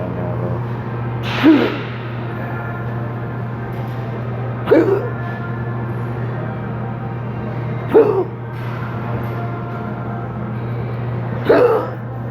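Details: Intractable hiccups persisting since December 2015 (recorded November 1, 2019), with breathing and choking spasms, cause undiagnosed; hiccups usually every 1–3 seconds, here four abrupt regular hiccups, about 19 a minute, over a steady hum.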